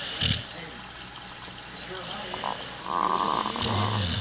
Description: my pup snoring